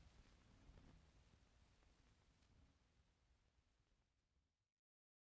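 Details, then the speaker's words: Adult man with active rheumatic carditis: very rapid, evenly spaced low heart sounds like a machine gun, first and second sounds indistinguishable, no murmur; tachycardia with embryocardia, compensating for a small stroke output. "The heart sounds here resemble a machine gun, and it is impossible to differentiate the first sound of each heartbeat from the second sound."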